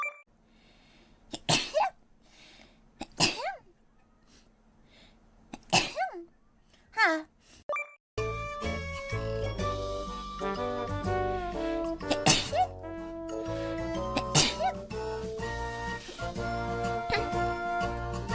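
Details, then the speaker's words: Streamer saying a sneeze is coming and the nose feels off: four sharp sneezes in quick succession, followed by loud music. "あ、くしゃみでそう。くしゃみ。"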